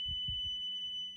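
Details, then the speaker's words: ZOLL AED Pro in manual mode during an in-service demonstration, voice prompt "Charging"; a steady high-pitched tone with faint low thuds beneath; defibrillator charging tone before a shock. "The charge button is right here. Don't touch patient. Charging. If you detect a shockable rhythm, you can press charge. It'll charge up automatically"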